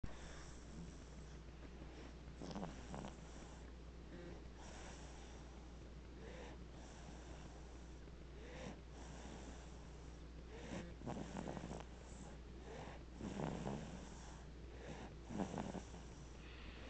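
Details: A sleeping baby boy gives soft, rattly snoring breaths about every two seconds over a steady room hum, recorded with a Flip Video camcorder. Mild infant snoring.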